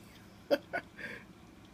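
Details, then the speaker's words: Two-week-old baby (Andrew) with hiccups: two sharp, abrupt hiccup sounds close together, his whole body shaking, then a soft infant vocal sound. "you got the hiccups oh baby his whole body shaky"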